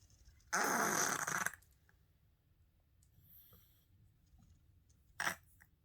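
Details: Three-legged female cat snorting while breathing: one loud, noisy snort, then a shorter snort a few seconds later, in a quiet room; obstructed-sounding breathing that worries the owner.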